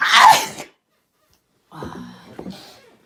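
One loud, explosive sneeze, then a pause and soft vocal sounds afterward.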